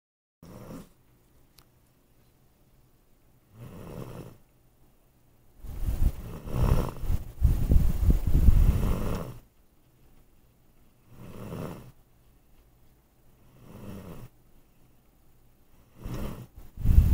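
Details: Snoring during sleep: deep, rumbling snores recurring every few seconds, about 8 in the span, with one long loud run in the middle.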